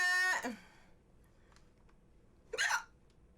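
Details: Female streamer with recurrent hiccups while gaming, who tried drinking water: two sharp, high-pitched hiccups about two seconds apart, with quiet room noise between them.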